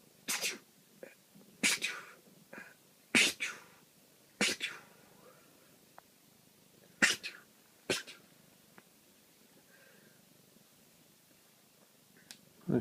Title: Sneezing cat